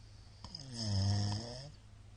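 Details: Middle-aged man's everyday snoring during sleep: one loud, deep, very forceful buzzing snore on the in-breath.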